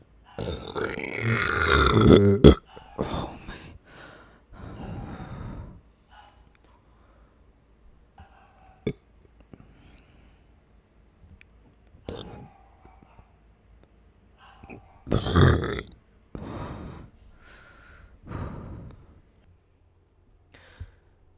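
A long, loud, rumbling burp, followed by several shorter burps separated by quiet pauses.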